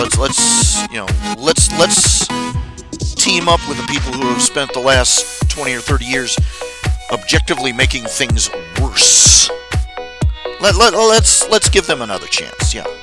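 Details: Adult man who says he stutters all the time; stuttering.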